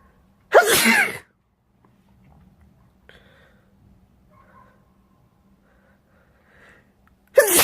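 Two loud, explosive sneezes separated by several seconds of near-quiet room sound; ordinary sneezing.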